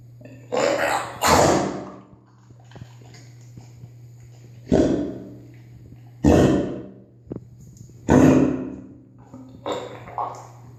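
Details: Cane Corso dog with kennel cough: repeated harsh, honking cough bursts.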